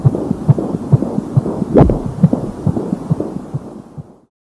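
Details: Fetal heartbeat at 16 weeks of pregnancy heard through a Doppler: rapid, regular whooshing pulse at about 136 beats a minute, with a brief rumble.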